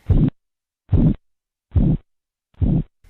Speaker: El segundo ruido pierde intensidad y suena como un murmullo o soplo, muy identificable.